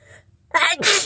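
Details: Sniffly person with a head cold, nose congested: quick breath in then a sharp, forceful sneeze, one of a long run of repeated sneezes.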